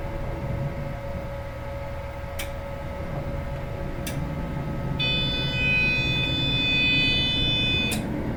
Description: This brain scan, MRI, CT Scan sound effect.